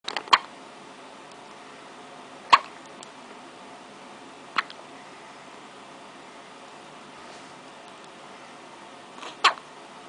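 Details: Baby girl with ordinary hiccups: four sharp, brief hiccup sounds at irregular intervals over ten seconds in a quiet room.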